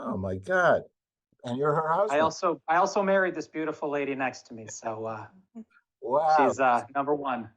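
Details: Adult man speaking; normal adult speech.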